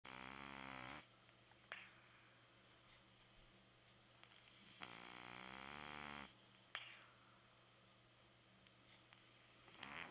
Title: Stinky Snores